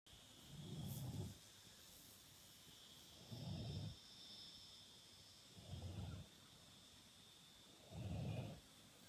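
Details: Sleeping cow snoring on a person's arm: four deep, rumbling, regular snores at about 26 a minute over a faint steady hiss.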